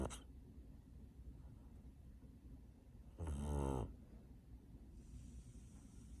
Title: Snoring kitten!